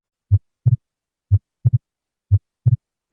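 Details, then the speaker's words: Clean lub-dub at about 60 beats a minute, second sound slightly split; normal heart sounds at the pulmonic area, second left intercostal space beside the sternum, hearing pulmonary valve closure. "el segundo punto de auscultación es el pulmonar que está localizado en el segundo espacio intercostal del lado izquierdo a un lado del esternón en este se escucha la válvula pulmonar que es útil en la evaluación de la hipertensión pulmonar"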